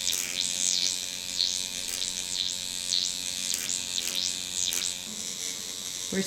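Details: Buzzing of a skin needling pen working over an adult woman's face, around the eye area, with music playing over it.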